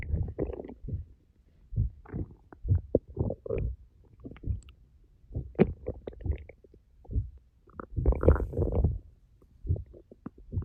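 Low gurgling and rumbling bowel sounds in irregular bursts; ordinary stomach growling from an empty, active gut.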